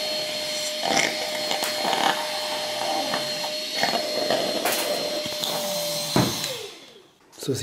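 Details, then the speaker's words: Nosiboo electric baby nasal aspirator suctioning mucus from a little boy with a cold: a steady motor hum with gurgling, slurping suction bursts, likened to a dentist's saliva suction. "vom geräusch her wenn dieser schlamm abgesaugt wird kennt das wenn er beim zahnarzt und richtig einschlafen und der dann den den sabber absaugt ist vergleichbar"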